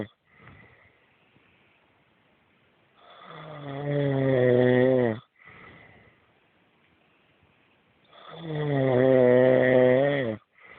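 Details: Husband snoring loudly in sleep, as he does every night: loud, drawn-out buzzing snores on breathing in, each followed by a short breath out, about 12 breaths a minute; snoring.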